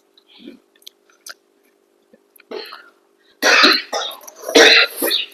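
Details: Adult mother with a cold coughing during a family meal: a few loud, harsh coughs after quiet moments over a steady background hum; cough.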